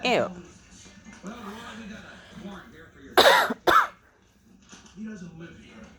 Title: coughing parrot